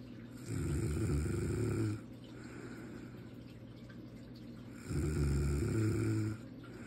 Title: I don’t snore